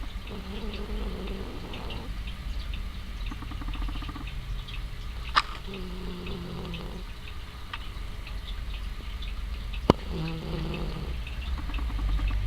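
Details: Sleeping cat, Sasha, snoring with one eye open: soft, buzzy breaths repeating every few seconds over low background rumble; light snoring.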